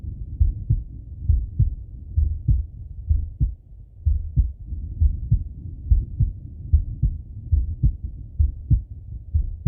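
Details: Stethoscope auscultation of a male's chest: steady, low lub-dub heartbeat at about 67 beats per minute over soft breath noise; normal heart sounds with breathing.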